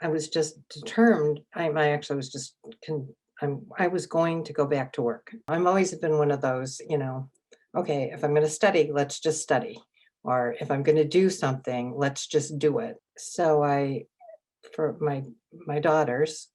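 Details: Adult woman with aphasia acquired from a stroke three years earlier, attending an intensive aphasia program. Aphasia.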